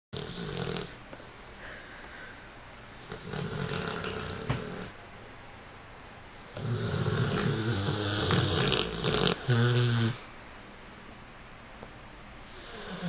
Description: Boston the American Bulldog Snoring